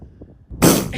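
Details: Low quiet rumbling, then a sudden loud, harsh burst of air: a single seal sneeze, real recording with the sneeze visibly coming from the nose, described as sounding like a fart.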